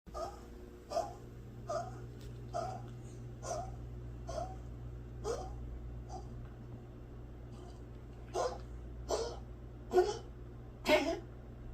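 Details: A dog gives about a dozen short, harsh cough-like bursts, roughly one per second, over a steady low hum. The worried owner plans to tell the vet. An abnormal cough.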